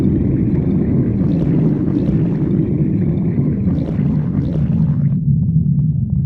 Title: stomach growling